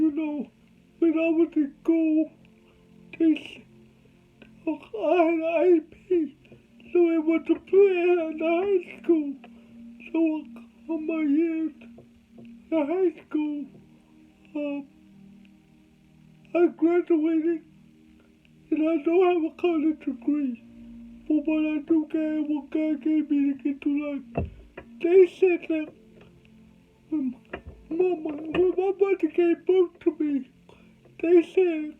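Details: Adult man with cerebral palsy, told he would never talk: dysarthria (cerebral palsy).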